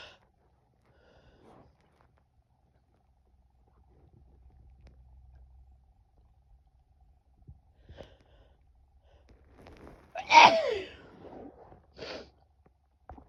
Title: Sneezing again (F)